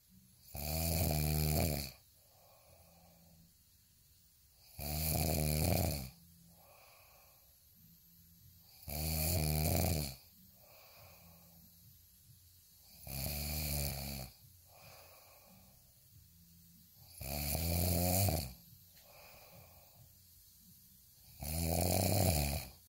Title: snoring asmr sound 10